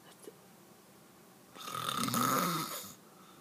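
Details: Adult man who denies snoring; one loud, rough inspiratory snore lasting about 1.5 seconds over quiet room noise; snoring.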